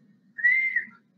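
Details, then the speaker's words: Imitated wheeze: a single high, steady whistling tone, a lecturer's imitation of the high-pitched chest wheeze of asthma, air passing through very narrow airways. "que é basicamente o chiado no peito do asmático. Ele é um som agudo, ele não é um som porque ele está sendo atrapalhado por alguma coisa."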